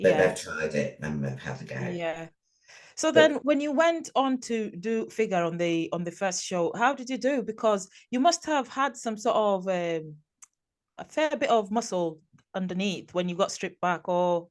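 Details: Adult speaker; normal voice.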